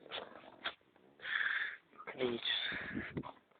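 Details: Sleeping dog snoring: irregular nasal snorting and whistling breaths with short wheezy squeaks.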